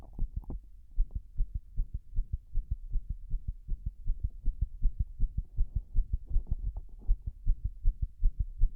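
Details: Heart sounds recorded after 6 minutes of compression while standing against a wall: fast, low thumps with uneven spacing between beats, an irregular heartbeat (arrhythmia).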